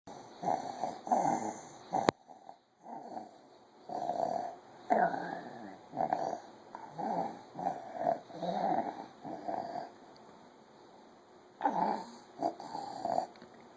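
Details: Rapid noisy breaths with a musical, whistling edge from a sleeping child at 1 am: wheezing from narrowed airways.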